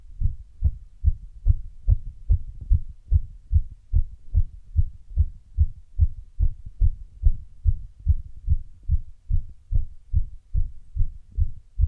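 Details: Heart sounds after running: fast, strong heartbeats with a brief stretch where the rhythm turns uneven, an intermittent arrhythmia.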